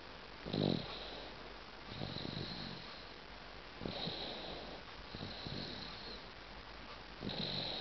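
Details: Snoring in an 8-month-old baby: soft, irregular snuffling snores with each breath, about 18 per minute, over a quiet hissing background.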